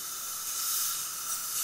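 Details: Steady high hiss of air from a dental air syringe blowing onto a tooth during a dental check-up of a patient with Tourette syndrome; dental air syringe.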